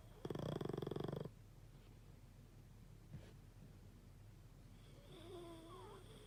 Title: Snoring dog